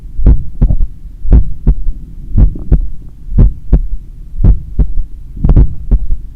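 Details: Adult's own heart recorded after an 8 km run, stethoscope at the point of maximum impulse over the apex: loud, low heartbeat near 57 a minute with a soft extra thud after S2 on some beats; third heart sound (S3).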